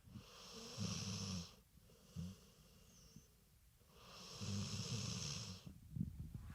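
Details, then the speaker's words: Dog snoring while asleep: two long, rough, rattling inhaled breaths with a quiet gap between, a low fluttering snore. "for real that's a real thing it's really my dog snoring"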